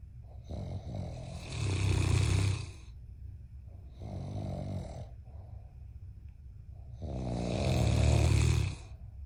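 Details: Loud, deep rattling snores on each breath, three in about nine seconds, with quieter breathing between; heavy snoring.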